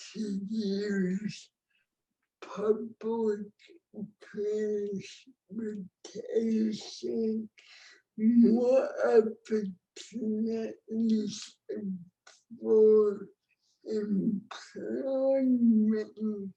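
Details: Dysarthric speech in an adult woman with cerebral palsy, a disability rights activist born before the ADA; real speech, no speech disorder formally named.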